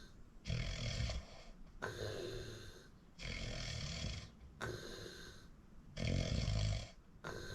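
Loud, rough rattling snores on each breath in and out, about one cycle every 1.3 seconds, during sleep.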